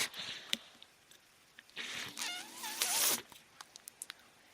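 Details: Speaker's own mechanical ventilator heard while they talk on a podcast; the sound of the ventilator running.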